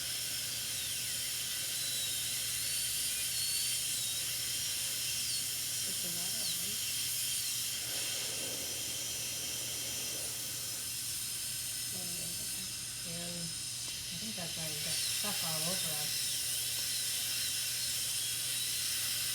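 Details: High-speed dental drill whining continuously with air hiss as decay is removed from a tooth during a composite restoration demonstration; faint voices talk in the background.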